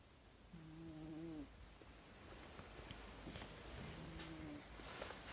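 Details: Soft, rough snoring from a sleeping cat, with a few breathing noises in a quiet room.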